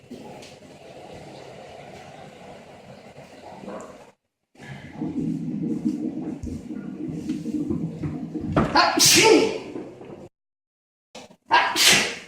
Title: Siberian husky puppy playing with older husky | Interrupted by sneezing